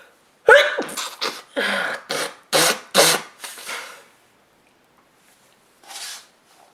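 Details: A woman's quick run of about seven short, explosive sneezes, then a softer blowing sound, likely nose-blowing into a handkerchief; repeated sneezing.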